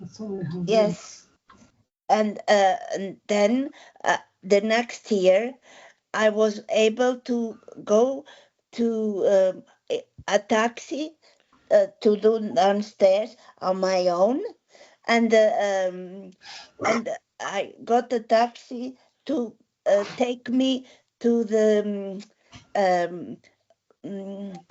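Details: Woman with aphasia after a stroke eight years ago, speaking with word-finding difficulty; aphasia.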